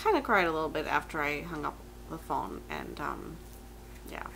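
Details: Adult woman with myasthenia gravis, diagnosed April 2015; her neurologist said the myasthenia could be heard in her voice; dysphonia with hypernasality (myasthenia gravis).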